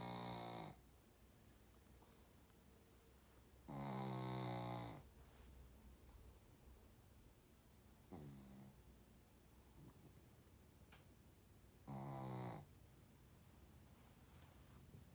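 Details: Slow, rumbling snores about every four seconds in a quiet room, with soft breathing between them; snoring.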